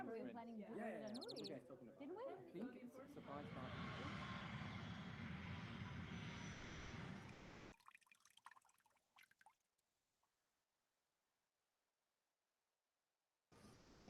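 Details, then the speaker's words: Simulated mild hearing loss: a person who hears voices around 60 dB but misses softer sounds like a ticking clock, a dripping tap or soft speech; the sound is noticeably reduced. "essa foi a perda auditiva leve viu que diminuiu bastante né"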